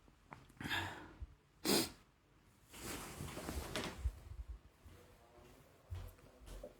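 Two or three explosive sneezes with breathy intakes between them in a quiet room, ordinary sneezing.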